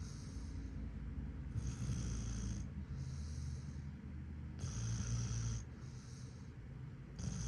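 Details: German Shepherd puppy snoring: low rumbling snoring breaths with soft hissing over a steady background hum.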